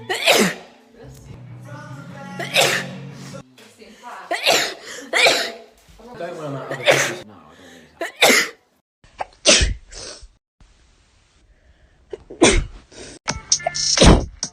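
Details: Compilation of sneezes from different women, one mentioning hay fever season: several separate sharp sneezes, some with a voiced 'achoo', with brief talk and background music between them.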